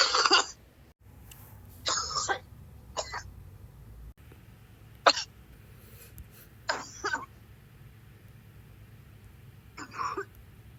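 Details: Coughing fit.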